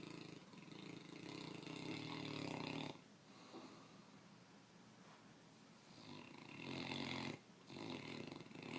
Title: Snore monster